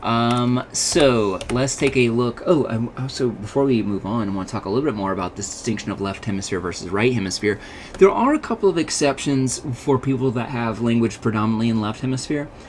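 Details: Adult man lecturing; ordinary speech.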